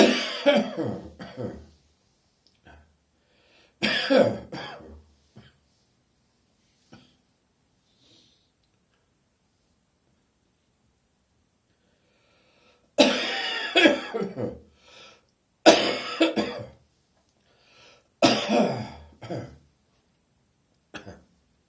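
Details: Adult throaty morning cough as a cold approaches: five throaty, phlegmy coughing bouts separated by quiet pauses.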